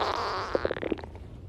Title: tiktok girl's stomach growling 9